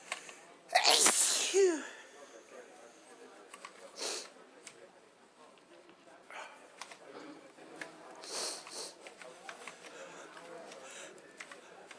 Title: Sneezing randomly